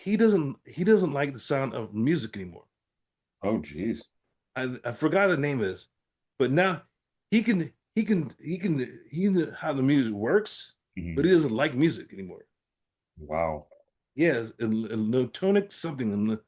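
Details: Adult man with aphasia following a stroke, real patient in recovery with therapy-app practice; aphasia.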